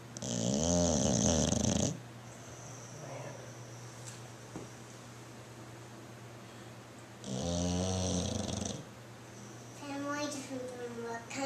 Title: snoring bulldog